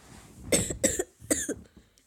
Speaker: yeah I'm kind of sick so we'll be coughing a little bit in this video I've been sick over my winter break pretty much